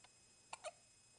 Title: Baby with hiccups